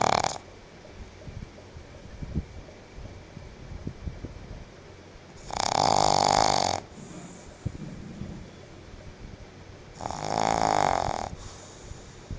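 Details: Female pet pug sleeping in cool air-conditioner breeze: loud, long, buzzing snores about every four to five seconds, with quieter breathing between; heavy snoring.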